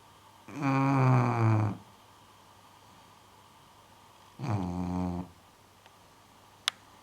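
Two loud, buzzing, vibrating snores in a quiet room, then a faint click: a bulldog snoring.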